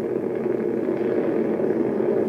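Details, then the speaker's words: Needle EMG of the deltoid while the subject pushes fully against the examiner's hand with the elbow: dense, continuous crackling roar of a normal full interference pattern at full activation. "the muscle is fully activated and it's perfectly normal"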